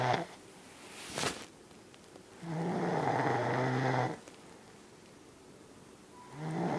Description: my girlfriend snoring